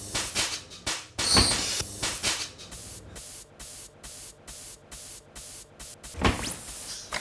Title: Dental Instruments